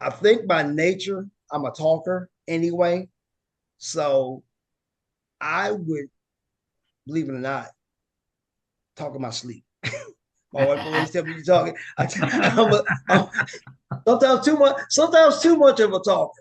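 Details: Aphasia with word-finding difficulty and paraphasias in a woman living with aphasia after a stroke or injury.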